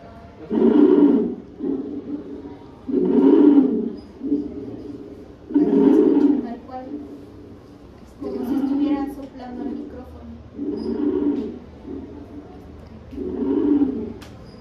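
Musical, whistling wheezes with each breath, about 24 breaths a minute, from narrowed airways.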